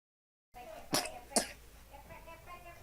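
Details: Two short, harsh coughs from a small child (toddler) against room noise; a child's cough.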